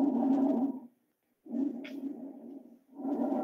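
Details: Bronchovesicular breath sounds.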